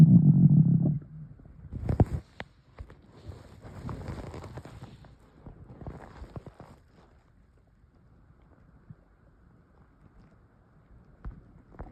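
A deep rumble, then scattered gulping clicks and soft gurgles that fade out; stomach noises from swallowed air.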